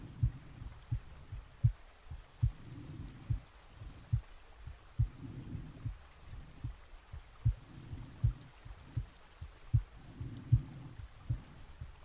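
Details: Real heartbeat and breathing recorded from the chest while sleeping, with added soft rain: soft, regular low heartbeats at about 75 a minute with slow breathing swells; normal heart sounds.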